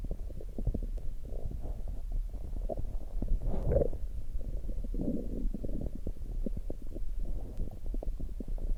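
Low gurgling, bubbling rumbles with irregular clicks and squelches, rising and falling continuously: stomach growling (borborygmi), ordinary gut sounds of gas and fluid moving.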